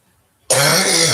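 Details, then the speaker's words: Adult with a chronic acid reflux cough lasting several years, also undergoing gastroparesis and esophageal testing; after a brief silence, one harsh, rasping throat-clearing dry cough. "you hear that cough. I've had it for several years. That's not a smoker's cough and that's not a flu cough and that's not COVID or any other thing. It's an acid reflux cough, believe it or not."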